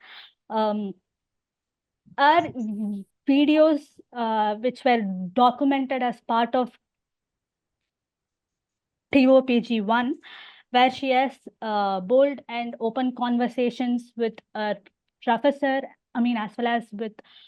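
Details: Stammering in an adult woman, onset at age six, speaking in a podcast interview.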